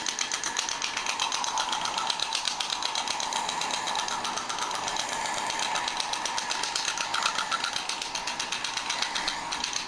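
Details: Rapid, steady mechanical tapping, about four pulses per second, of a shockwave therapy device treating an elite boxer while he throws slow jabs and crosses.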